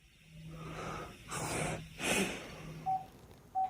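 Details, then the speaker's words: A severely ill COVID-19 patient struggling to breathe: loud, effortful gasping breaths with harsh airflow noise, the laboured breathing of severe disease. "in severe cases those with covid-19 say they feel like they're drowning you can hear this patient struggling to breathe"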